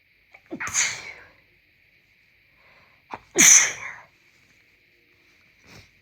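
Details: Two forceful, wet, congested sneezes, each with a short intake, then a faint third burst; steady background hum; sneezing triggered after moving from a colder to a warmer room; sneezing.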